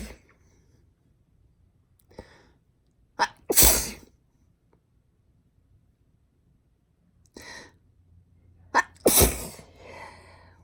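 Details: Girl sneezing: two sharp, explosive sneezes, each preceded by a quick inward catch of breath, in a quiet room.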